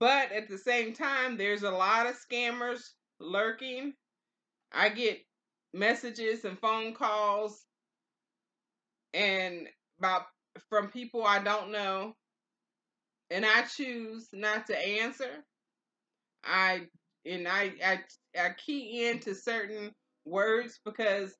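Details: Adult woman with aphasia after stroke, two years and four months into recovery; early on she could not say intended words and was hard to understand in hospital; practises with word exercises, songs and reading aloud. Aphasia after stroke.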